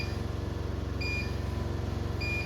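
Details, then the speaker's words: Medin CNO mini CPAP device with alarm set to apnea mode: steady machine hum with a repeating high electronic beep about once a second; apnea alarm sounding. "Kalau diganti on apnu ya berarti alarmnya cuma pas upnu doang. Ini sama kayak tadi sama plus Upnu. Kalau UpNO kalau ini kan alarm Upnu."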